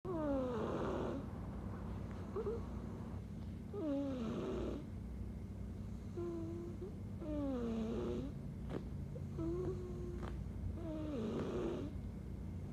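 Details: Snoring during sleep: slow, steady breathing with a whistling, squeaky snore on each breath, about 17 breaths a minute, over low room hum.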